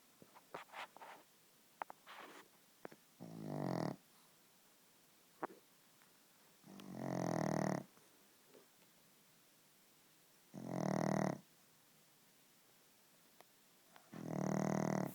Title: Pug snoring